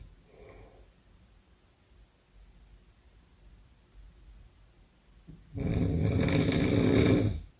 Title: 02 Hard snore